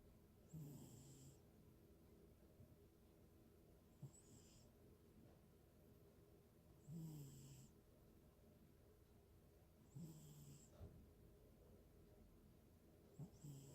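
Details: Sleeping cat in deep sleep snoring: soft rhythmic low rumbles with a faint whistle on each breath over quiet room noise; snoring.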